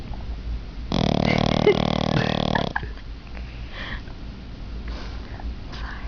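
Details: Dog snoring: one loud, drawn-out rumbling breath, then quieter breathing noises; loud, disturbing snoring.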